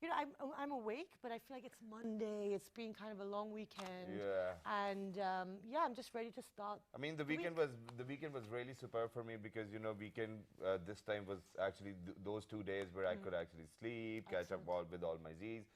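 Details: Adult woman speaking; typical speech.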